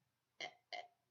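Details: Adult with Tourette syndrome, off medication after stopping risperidone for side effects, whose tics had been increasing; two brief, abrupt throaty grunt-like sounds in quick succession; simple vocal tics.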